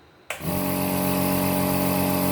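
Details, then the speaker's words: Omron NE-C28 compressor nebulizer switched on. A small compressor runs with a steady low hum and a faint whine, with very little vibration, and is said to be much quieter than a normal nebulizer. "अलग ही काफी silent है और काफी silent है आवाज इसकी normal NAAC blouse से काफी कम है आंवले के बराबर है"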